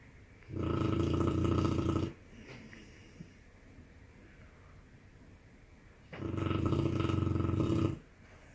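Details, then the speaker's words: Sleeping dog's loud snoring: two long, loud, rattling snores with quieter breathing between them; snoring. "how my dog snores. You've never seen it."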